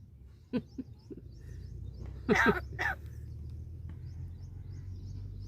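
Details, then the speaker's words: Talking crow said to have a cough: a few short soft bursts, then two louder harsh hacking cough-like bursts over faint outdoor noise. "परत कुठे गेली आल्या खोकल्याची गोली द्यायला खोकल्याची गोली देऊ तुला खोकला बरा होईल का बरा होईल खोकला बरा होईल ना"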